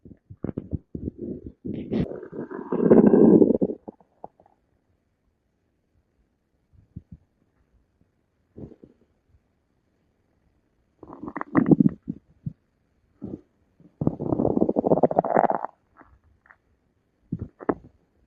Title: Stomach growl